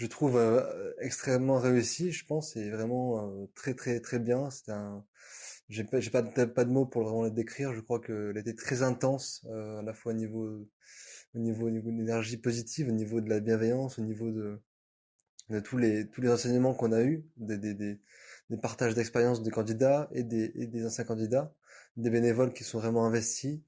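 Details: 29-year-old man who has cluttered since adolescence, worsened after a head trauma; very rapid speech; cluttering.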